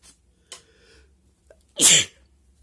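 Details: A few quiet breaths, then one loud, sharp explosive sneeze: a hay fever sneeze induced by tickling an itchy, sensitive nose with paper.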